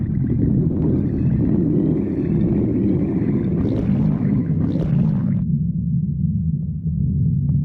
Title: stomach growling 8